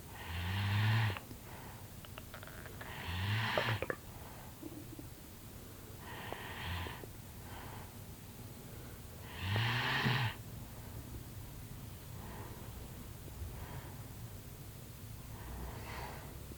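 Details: Slow, rhythmic snoring on the in-breath, about four breaths a minute, over steady background hiss, during an afternoon nap after a tiring morning outdoors; ordinary snoring.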